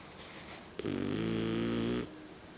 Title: Snoring Pig